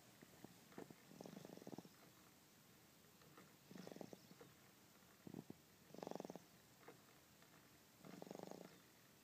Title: Snoring Baby